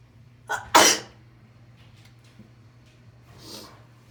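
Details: Induced sneeze: a quick indrawn breath, then one sharp explosive sneeze, followed by a soft breathy exhale in a quiet room.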